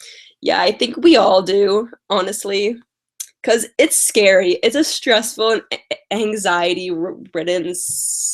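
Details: Lifelong stuttering in an adult woman with past speech therapy, mostly blocks, especially on vowel-initial words and on 't' and 'c'; she has a cold and is tired; uses prolonging words and slow speech.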